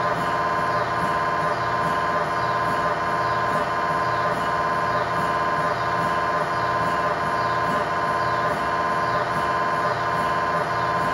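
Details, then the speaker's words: MRI scanner noise recorded inside the scan room of a GE Healthcare 1.5T or 3T system: steady loud buzzing with rapid regular knocking pulses at about 86 a minute during a scan sequence. "Today's video request features over 8 hours of mri scan sounds sampled from various 1.5t and 3 tesla mri systems."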